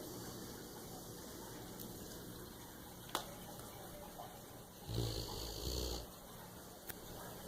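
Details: Female sleeper: a single low, rough snore over steady room noise with a few faint clicks; snoring.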